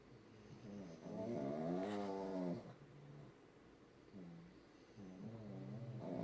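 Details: Several pugs asleep: wheezy, whistling snores rising and falling, overlapping in a quiet room; snoring.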